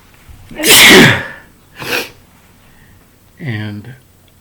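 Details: Person with allergies, out of antihistamine prescription during high pollen season: a loud explosive sneeze, then a smaller second sneeze and a brief voiced sound; allergic sneezing.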